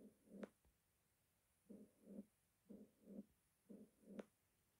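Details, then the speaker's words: Severe mitral stenosis, bell chest piece at the mitral area, left lateral decubitus: low-pitched rumbling crescendo-decrescendo diastolic murmur after an opening snap, with presystolic accentuation before each beat. "it is a rumbling type low pitched crescendo decrescendo type with diastolic murmur at mitral area with pre-systolic accentuation after the opening snap turbulent blood flow from the left atrium into the left ventricle is responsible for the"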